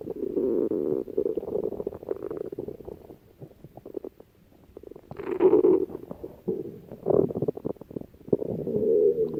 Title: stomach growling